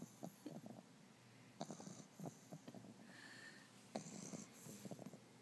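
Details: Soft snuffling, snorting breaths with short rattle bursts through room noise: light snoring in a sleeping French Bulldog puppy.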